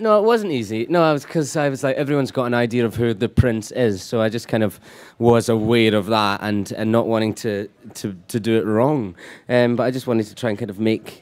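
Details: Adult male speaker; Normal conversational speech.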